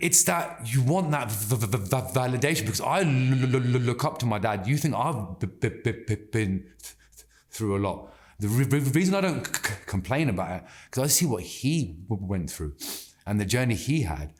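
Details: Adult man who has stammered since childhood, persisting into adulthood; anxiety and stress make speaking harder, and slowing down and taking a breath helps him control it; stuttering.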